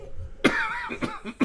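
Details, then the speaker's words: Adult choking cough after a drink went down the wrong way: one harsh cough burst followed by two shorter coughs; aspiration cough. "I'm okay. Yeah. Went down the wrong way."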